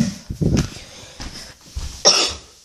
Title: I'm sick of this coughing